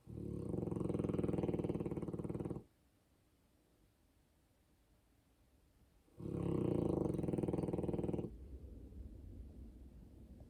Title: Polski Owczarek Podhalanski is snoring.